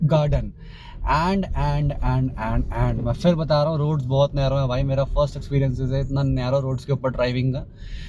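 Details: Stuttering in a male Hindi-English vlogger who describes himself as a stammerer, with repetitions of the word 'and'.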